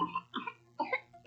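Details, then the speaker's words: Child's cough in a health public-service announcement: two short coughing bursts; a cough of this kind may point to whooping cough (pertussis), which can cause apnea, breathing difficulty and vomiting. "Baka per two o wopeng cup na yan. Nagdudulot ito ng up niya o pagtigil sa paghinga, pagkahirap sa paghinga at pagsusuka."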